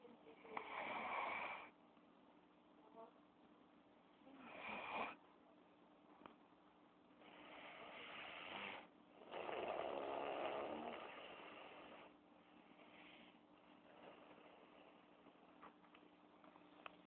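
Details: Wife snoring in a hospital: loud rattling snores on inhalation, about four over seventeen seconds, with quiet pauses and steady room hum.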